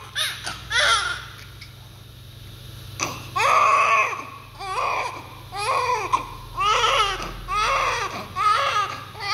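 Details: Newborn immediately after birth, covered in vernix caseosa: repeated short, high-pitched, strong rhythmic wailing cries, a vigorous first cry.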